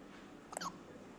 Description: An hiccup at 2 weeks age